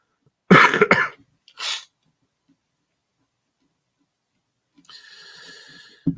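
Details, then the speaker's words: Adult with a hoarse throat from illness gives two or three short, harsh coughs, then after a pause a longer rasping throat clearing; cough with throat clearing. "I think I sound like more cynical when my throat is hoarse from illness."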